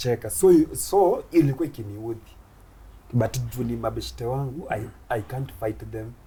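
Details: Stuttering (stammering) in an adult Kenyan male comedian who began stammering in school; he finds plosive sounds especially difficult and shakes his head when he stammers.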